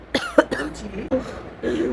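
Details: A few brief rough throat-clearing bursts with a husky, congested quality from an adult who says the throat is hoarse after having cold things, fitting an irritated throat.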